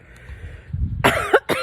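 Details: Coughing right after inhaling smoke from a Swisher cigar by someone who says they are not a smoker, with watery eyes: a low rumbling build-up, then two harsh, forceful coughs.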